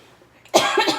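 After a moment of quiet, an adult gives a single abrupt, harsh cough with a brief rough tail, in a quiet indoor room: an isolated cough.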